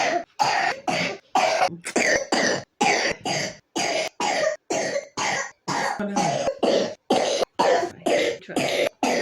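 Repeated short, harsh coughs in quick succession, about 60 a minute across nine seconds, in a young child with pneumonia.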